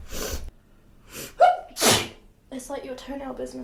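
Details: Sneezing, possibly from flowers: sharp in-breath then a loud explosive sneeze, followed by brief talk and laughter in the room.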